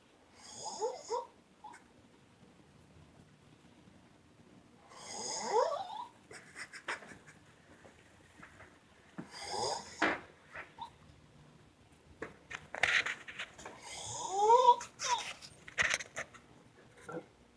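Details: Child snoring during sleep, heard from another room: loud, rattling snores with breaths a few seconds apart, some snorting and whistly sounds.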